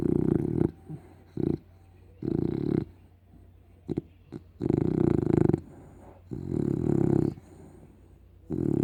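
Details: Pug and Shar-Pei cross dog snoring while asleep: loud, rough, rattling snores with short snorts between them, in repeated bursts.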